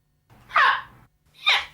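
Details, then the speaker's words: Two sudden, loud, sharp, involuntary vocal bursts from a girl with Tourette syndrome, who says she cannot control them. Vocal tic. "noise is my tourette's it's called a tick and it can happen anywhere at any time i can't control it but sometimes people think i'm doing it on purpose"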